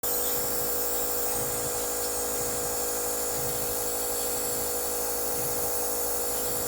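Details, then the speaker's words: Nebulizer compressor running steadily, mechanical whine and buzz, no breathing or voices; patient on about the fourth and last day of nebulizing for cough with phlegm, breathing improved, lungs okay. "Pang fourth ano pang tama third ba o pangapat na araw niya na ong nagne-nebukas last day niya na medyo okay okay na siya kahit papaan salamat sa Diyos na okay naman ang baga niya may plema lang kaya nahirapan siyang huminga nung nakaraan is good pa rin."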